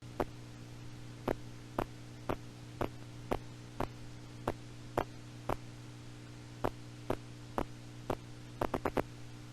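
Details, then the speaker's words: Needle EMG, spontaneous activity not caused by needle movement, patient not voluntarily firing: bursts of sharp pops about two a second, slightly uneven like soldiers marching out of step; myokymic discharges. "And you know, when you're not the one moving the needle, you can tell that this is spontaneous and not coming from you moving the needle. And the patient isn't voluntarily firing, so. So that's our myokymia, marching soldiers."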